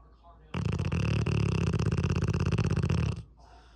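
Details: Sleeping Cane Corso dog: one loud, deep, rumbling snore lasting nearly three seconds with a rapid fluttering rattle; snoring.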